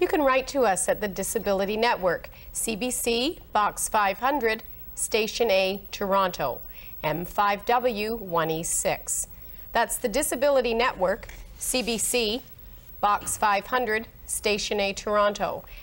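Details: Adult woman; Normal speech.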